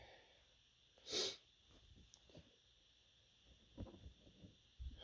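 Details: Stifled sneeze from a person with an itchy, tickly nose: one sharp, muffled sneeze burst, then soft sniffs and breathing.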